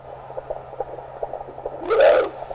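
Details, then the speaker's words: Fetal heartbeat on ultrasound Doppler with gel during abdominal palpation of a pregnant woman: fast, soft rhythmic pulses about twice the maternal rate, broken by a loud whoosh as the baby moves. "you'll be able to hear the baby's heartbeat oh great it bounces off this the water the sound waves it's a doppler technology"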